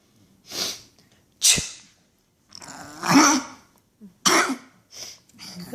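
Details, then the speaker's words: Dog sneezing: several sharp, explosive nasal bursts with short pauses; the owner says the dog gets mad whenever the owner sneezes, then sneezes itself. "Why do you get so mad when I sneeze? Huh? And then you sneeze. I didn't get mad when you sneezed."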